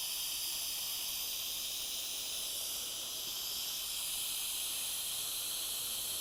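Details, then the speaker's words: Steady, loud continuous hiss of gas through a single-use Vortran ventilator circuit with oxygen at 15 L/min at 50%, giving 40 L/min total flow, peak inspiratory pressure 32, PEEP 8, rate 19. "vamos a subir a 15 litros por minuto al 50% nos va a dar un flujo total de 40 litros por minuto"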